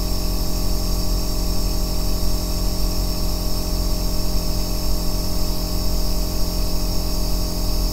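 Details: Aerosol nebulizer running continuously, recorded as ASMR white noise for sleep and relaxation: a steady deep droning bass hum with hiss, unchanging throughout.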